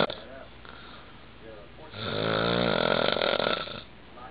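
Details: Snoring: a single long, rattling snore on the in-breath, between quieter breaths.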